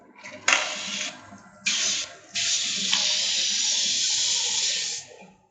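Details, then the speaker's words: Bronchoscopy in a 48-year-old woman with malignant central airway obstruction, 6 months of cough, breathlessness and scanty haemoptysis: bursts of harsh hissing suction clearing pent-up secretions from the left main and left lower lobe bronchi. "So we can see lot of secretions pent up secretions in the left main broncus. This is usually the reason for patients to deterior. We'll clear the airway first."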